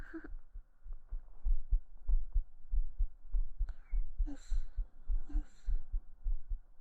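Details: Soft resting heartbeat recorded on a 3Dio binaural microphone during a hugging sleep-aid ASMR stream, clipped to heart sounds only; normal heart sounds.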